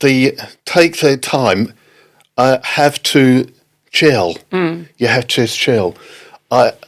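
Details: Non-fluent aphasia in an adult man, a father, after a stroke in October 2019; halting, non-fluent speech.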